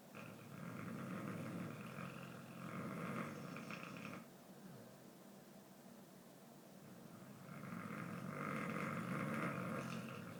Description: My Amstaff likes to sleep in a suitcase that has spare coats it it. He was knocked out snoring like an old man.